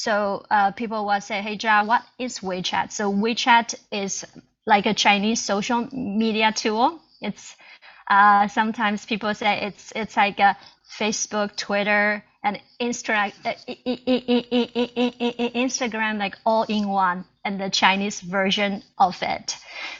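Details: Adult Chinese woman who stutters, a self-help group co-founder, presenting in English at a stuttering conference; stuttering.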